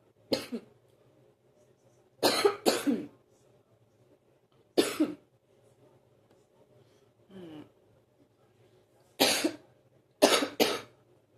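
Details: Productive morning cough that lasts about 45 minutes each morning, after which it settles.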